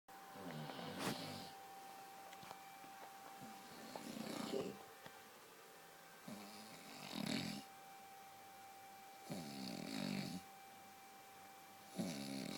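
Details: Husband's long-standing heavy snoring, loud enough that his wife has slept in another room for years: about five loud, rough, raspy rattling snores in twelve seconds over a faint steady hum.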